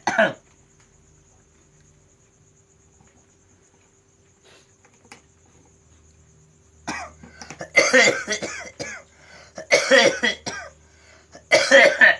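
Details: Man with a cough attributed to supernatural disturbance: a short cough, then quiet, followed by several loud harsh coughing bursts in a small room.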